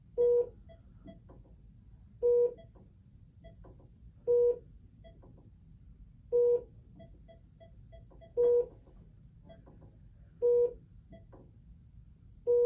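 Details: Short electronic beeps about every two seconds with faint clicks between, over quiet room noise, as data are keyed into a Philips bedside monitor during a training demonstration of patient admission; monitor touchscreen key beeps.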